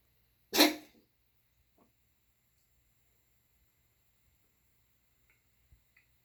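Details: Dog (Lily) coughing: one short, harsh cough burst followed by near silence with faint small noises.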